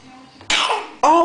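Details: A child gives a deliberate fake cough: a sharp voluntary burst followed by the voiced start of another.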